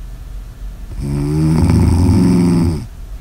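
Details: Snoring ASMR audio recording: one long, deep, buzzing snore lasting about two seconds, with a low vibrating rumble.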